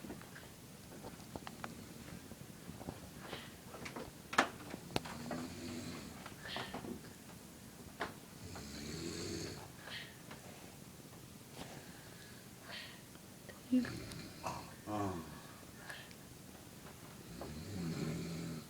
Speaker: About to punch my parents because they won't stop snoring. The snorers.